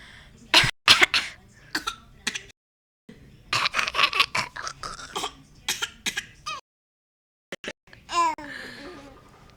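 Bouts of harsh, explosive coughs in quick clusters, followed by a brief voiced sound and quiet room noise.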